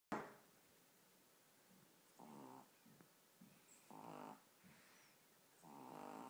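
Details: 15-week-old puppy fast asleep, snoring in a steady rhythm with a soft rattling sound on each breath in a quiet room.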